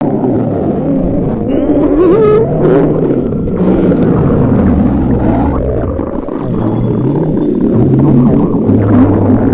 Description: This time, I asked the girls to go to the library on an empty stomach to read a book, set up a microphone near their stomach, and recorded the limit of hunger sound! !!